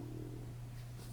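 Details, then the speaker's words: Adult patient six weeks after surgery, feeding tube just removed after three weeks, relearning to eat: audible stomach growling (borborygmi). "there goes my stomach I wonder if you could hear that but it's it's just part of the process really and it will be worth it in the end fingers crossed"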